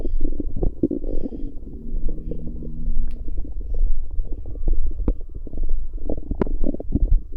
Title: I Recorded My Pregnant Wife's Stomach Noises